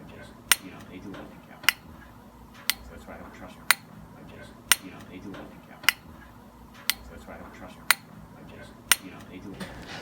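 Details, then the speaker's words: Shockwave intravascular lithotripsy (IVL) balloon demonstration: sharp clicking pulses about once a second over faint room noise, emitter sparks create bubbles that collapse rapidly, producing pressure waves that crack calcified plaque. "this emitter emits a like a spark and that spark crate bubbles and the bubbles uh it collapses rapidly cause causing a wave so and that's how it it works"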